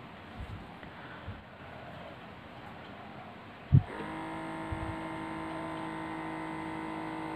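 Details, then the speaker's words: Omron HEM-7156 digital blood pressure monitor measuring after the automatic button is pressed, palm up on a table: a button click, then the steady hum of the pump inflating the cuff. Reading was 121/82 mmHg, pulse 85 per minute. "Selanjutnya, kita tinggal menekan tombol otomatis. Mari kita tekan saja."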